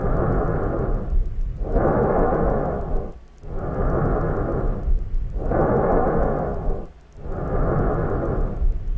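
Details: Bronchial breath sound.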